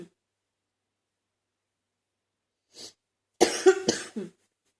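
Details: Productive wet cough, described as chest congestion the person is trying to clear: a quick breath in, then about three harsh, chesty coughs bringing up mucus.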